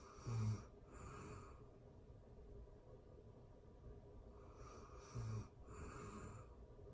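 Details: Ordinary sleep snoring for anxiety relief: two soft, rumbling snores about five seconds apart over quiet room noise.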